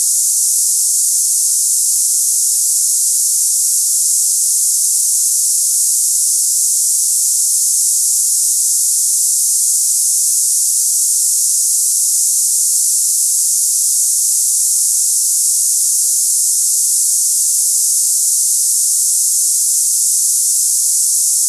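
Steady high-pitched hiss like cicadas, unchanging throughout; a simulation of hissing tinnitus.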